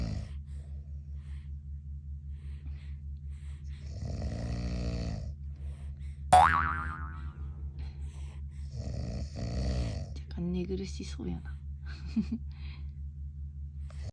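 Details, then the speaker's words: Father snoring loudly beside a newborn, rattling snores rising and falling with each breath, softer snorts between, in a quiet room. "あのいびきうるさくないか？若干寝苦しそうやな"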